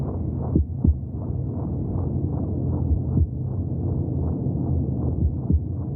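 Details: Heartbeat sounds from the womb, a 30-minute recording.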